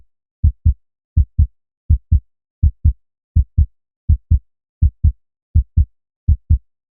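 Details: Steady, regular paired heart thumps at about 82 beats a minute with no extra sounds, a normal human heartbeat recorded as a sleep aid.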